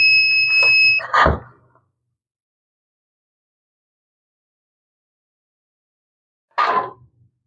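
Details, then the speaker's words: Steady high-pitched alarm tone, then a puff of air and silence, from a GCE Zen-O lite portable oxygen concentrator with a call-service error and weak or no pressure output, run without its filter. "So pag mga ganyan guys inaano niya service."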